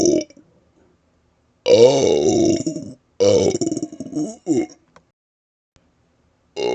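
Long, deliberate voiced belches shaped into vowel sounds, with short pauses between them; intentional burping.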